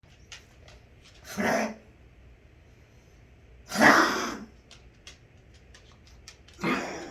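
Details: Dog Chessie coughing: three harsh, breathy coughing bursts spaced a few seconds apart in a quiet room, faint clicks between them.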